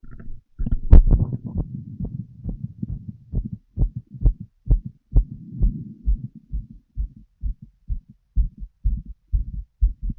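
Regular heart sounds through a stethoscope with some rubbing and handling noise early on.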